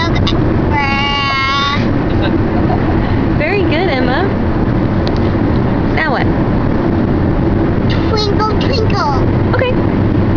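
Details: A 2-year-old girl sings her favorite songs, including "Jesus Loves the Little Children," despite hiccups: short bursts of cooing and wailing vocalizing over a loud vehicle rumble.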